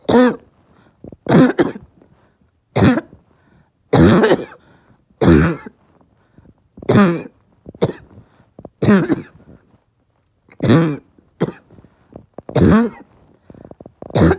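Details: Barking cough: about a dozen harsh, deep, hoarse coughs in repeated bursts with short pauses; the person reports their chest really hurting.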